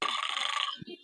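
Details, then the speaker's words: Person recorded on a phone at night while asleep: harsh, rattling breath noise lasting most of a second, then a brief low grunt; loud snoring that kept another person awake. "রাতটা তখন আমি ঘুমাইতে পারি নাই নাক ডাকার কারণে"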